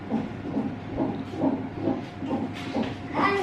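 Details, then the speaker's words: Fetal heart monitoring at 39 weeks of pregnancy, baby girl, awaiting labor induction: fast, regular whooshing beats at about 136 a minute through the monitor speaker; normal fetal heart rate. "They're listening to baby sister heartbeat."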